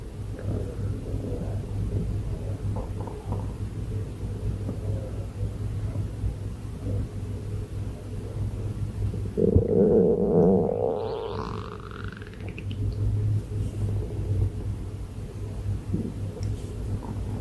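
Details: Stomach growling: low rumbling with a gurgling, rising squeal midway, from gas and fluid moving through the gut.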